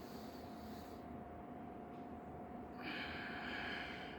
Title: Breathing exercises to reduce stammering and anxiety 💯 #stammering#stammeringtips